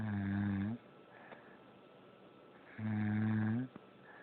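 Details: Person snoring in sleep: two loud, low, buzzing snores about three seconds apart, with quiet breathing between, in a small room.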